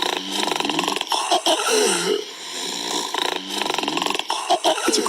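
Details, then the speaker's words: Snoring in an adult with obesity and moderate to severe obstructive sleep apnea: two rattling, fluttering snore-like breaths separated by a quieter gap, as the airway partially collapses during sleep. "This is the soundtrack of the millions undiagnosed with moderate to severe obstructive sleep apnnea or OSA in adults with obesity."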